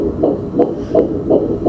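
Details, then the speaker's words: Fetal heartbeat on Doppler at about 9-10 weeks of a first pregnancy: rapid, regular whooshing pulses, with the rate called completely normal for this stage. "ook mooi dan 270 slagen zo gewoon helemaal normaal voor deze termijn"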